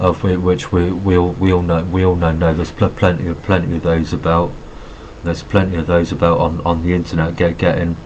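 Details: Adult man with Asperger syndrome who says he has a bit of a stutter and refers to notes because of his stuttering. Stuttering.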